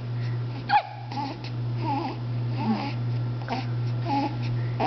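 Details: Infant with hiccups, trying to eat a blanket: fussy, whimpering cries in short bursts with a steady low hum behind them; mild crying.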